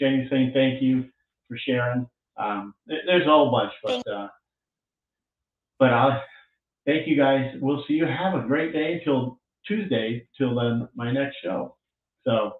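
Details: Adult speaker; typical speech.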